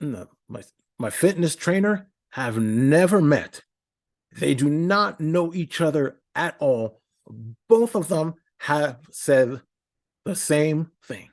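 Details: Adult man with a speech impediment for about a decade, attending therapy at the Institute for Stuttering Treatment and Research: stuttering.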